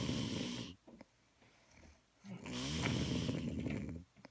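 Two loud, rough, rattling snores with a quiet pause between, the fluttering vibration of airway snoring during sleep.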